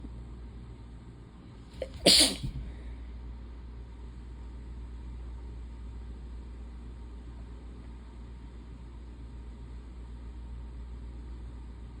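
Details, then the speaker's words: Single sharp, explosive sneeze from a tired person with hay fever who has lost their voice, amid relentless sneezing; quiet room noise follows. "I'm actually gonna take a nap. Take a nap after I stop sneezing."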